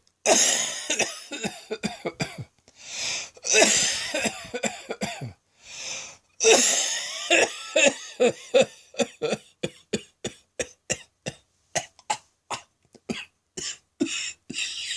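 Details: Prolonged midday coughing fit that keeps going: long run of harsh, repeated coughs with gasping breaths between bursts, ending in rapid short coughs; the person says it sounds like a heavy smoker's cough.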